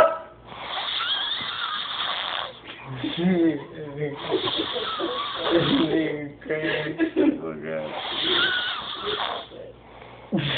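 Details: Person asleep snoring with loud rattling snores while others in the room laugh; ordinary snoring.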